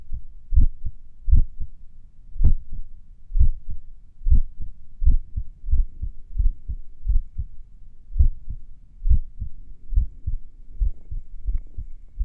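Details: Low heart thumps with shifting beat-to-beat spacing and noticeable pauses, speeding and slowing, recorded a few minutes after morning exercises: sinus arrhythmia during recovery.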